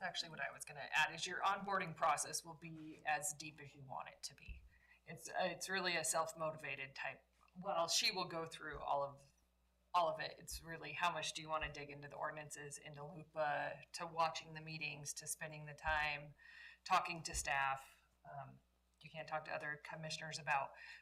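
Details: Adult woman speaking; no disorder.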